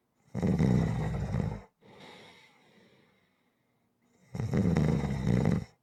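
Two loud, rattling in-breath snores about four seconds apart, separated by a softer, breathy out-breath. Heavy rhythmic snoring.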